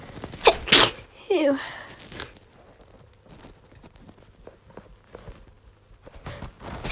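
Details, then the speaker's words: Woman with a miserable cold, badly congested and coughing, trying to make herself sneeze: two sharp sneezes close together, then a gasping, drawn-out breath and a sigh. "so i probably have to make myself sneeze because i feel like i need to and also is probably the only enjoyable thing about being sick"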